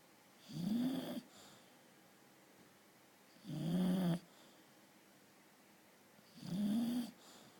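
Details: Chloe, a British bulldog, snoring: three slow, regular breaths with a rough, buzzing tone, about 20 breaths a minute, in a quiet room.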